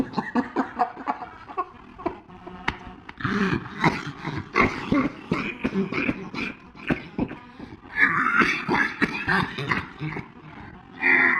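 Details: Dog coughing: repeated harsh, throaty coughing bursts with snorting, growl-like sounds, recorded in a small room.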